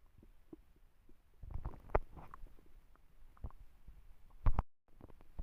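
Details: Quiet, irregular low gurgles and rumbles in a soft room: ordinary stomach growling (borborygmi).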